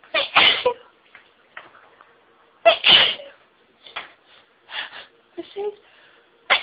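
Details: Several sneezes in quick succession, some partly stifled, with quiet gaps between; stifling intensifies nasal tickling and speeds the sneezing: sneezing fit.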